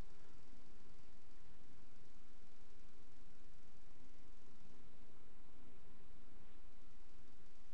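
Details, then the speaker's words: Mitral stenosis, often associated with rheumatic fever and atrial fibrillation: quiet, low-pitched mid-diastolic and presystolic rumbling murmur. "lo otro es es Es el soplo mesodi estórico presistólico que se ocasiona en la estenosis mitral"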